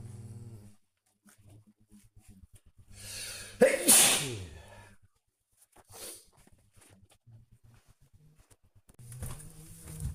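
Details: Natural, random sneeze from a person who is not ill and not in allergy season, recorded on a smartwatch: a single forceful, sharp explosive burst of air among quiet room sounds.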